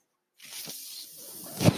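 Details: Mechanical ventilator sound: after a brief silence, a steady soft airflow hiss rises and ends in a short low puff. It comes from a podcaster's own ventilator, heard during speech.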